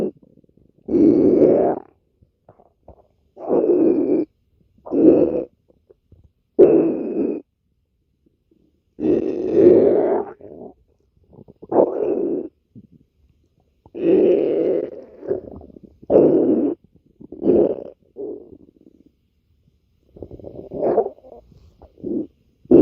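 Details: Loud rumbling, gurgling bursts with silent gaps: stomach growling (borborygmi).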